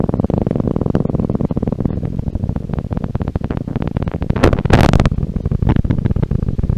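Dense, rapid crackling and popping of motor unit firing from a live needle EMG recording during muscle contraction.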